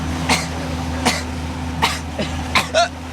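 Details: Male whose coughs bring on hiccups: five short, dry, cough-like bursts about one every 0.7 seconds, over a steady low engine hum.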